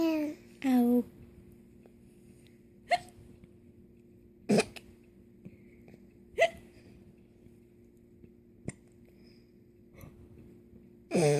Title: Hiccup giggles